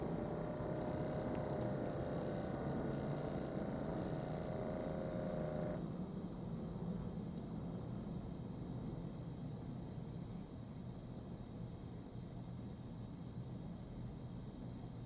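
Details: Steady motor hum of a HYLOGY upper-arm digital automatic blood pressure monitor cuff inflating for about six seconds, then quieter hiss as it deflates, on an adult; reading was 127/80.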